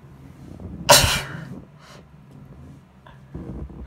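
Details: A female's single loud, explosive sneeze, then quieter breathing and rustling; whether hayfever or a cold is uncertain.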